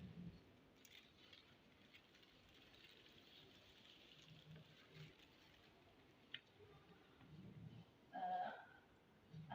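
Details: Child's abdomen on physical examination, with visible distension and pain on palpation: soft, irregular low gurgles over a quiet abdomen, normal bowel sounds at about 18 per minute.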